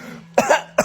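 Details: Voluntary fake cough from a baby girl who has been mimicking her parents' coughing for a couple of days: two short, light coughs with a throaty edge, prompted by her father. She is not ill.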